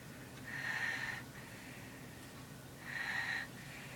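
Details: Infant snoring: two soft, whistling nasal breaths over a steady background hum; light baby snore.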